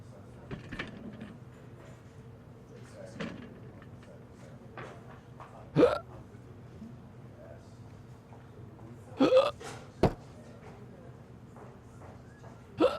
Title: Hiccup, Up, And Away